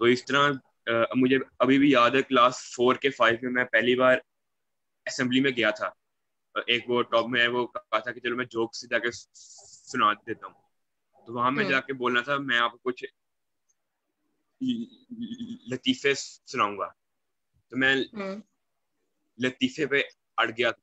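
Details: Male student who stammers, speaking Hindi on a stammering awareness panel; stuttering.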